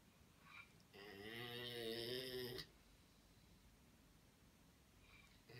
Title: Lab snoring rather loud